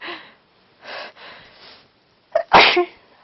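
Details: A person with a cold, trying to talk between sneezes: a few breathy sounds and a catching inhale, then one sharp sneeze.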